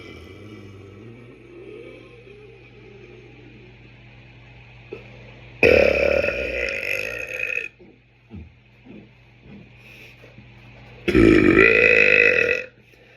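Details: Man's burp compilation: two long, loud, rumbling belches about five seconds apart over faint room noise.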